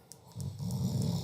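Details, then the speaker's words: A low, rough, rumbling snoring recording played back at higher volume to test how well sleep headphones mask snoring. "now as this snoring as you can hear I hear it just a little bit and"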